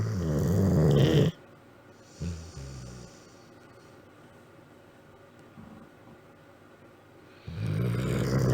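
Loud, rough, rattling breaths in sleep, two long snores separated by quieter breathing; ordinary snoring in a sleeping dog.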